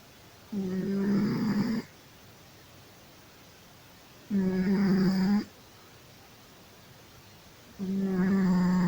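Three rhythmic snoring sounds with quiet gaps between, about 17 a minute, each a buzzing rattle as the cat breathes in during sleep.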